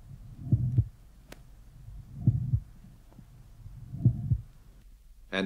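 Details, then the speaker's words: Mid-systolic click with mitral regurgitation, recording slowed to half speed: first sound soft and inaudible, systolic murmur starts before the click, then accentuates and becomes higher pitched between click and second sound. "the associated systolic murmur starts before the click and then accentuates and becomes higher pitched between the click and the second hot [Music] sound the timing of the click and systolic mam become more obvious when the recording is slow to half"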